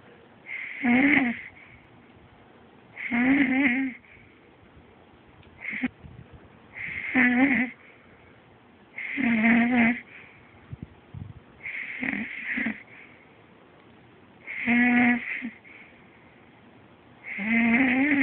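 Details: Snoring during sleep, medium to medium-loud, louder than usual but usually no worse: regular buzzing, vibrating snores on each breath, about eight in eighteen seconds, in a quiet room.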